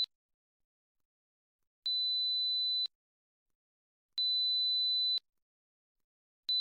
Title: 4000 hz Test Tone | Audio frequency - Hearing Test 4khz